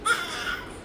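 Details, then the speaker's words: Normal newborn cry during a newborn examination at 24 hours of age: a brief, vigorous cry with a clear pitch, noted as a very good sign. "আর বাচ্চা কান্না করছে, এটা খুবই ভালো লক্ষণ। কান্না না করলে আমি ইচ্ছে করে কান্না করাইতাম।"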